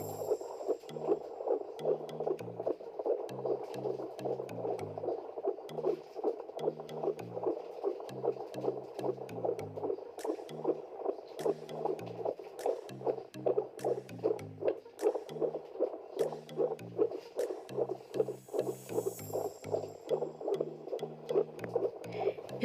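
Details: Fetal heartbeat recorded at home with a wireless Doppler and mobile app: rapid, regular whooshing at about 150 beats a minute, a normal fetal rate, over soft background music.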